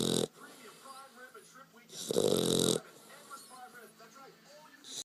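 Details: A sleeping dog named Stokely gives loud, rough, rattling snores, as he does every time he sleeps, with quiet breathing and faint background chatter between them.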